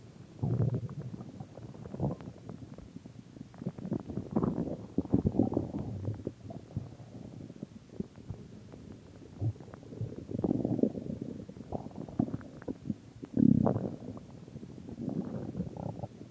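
Irregular low gurgling and rumbling bursts, rising and fading over the recording: ordinary stomach growling from gas and fluid moving through the gut.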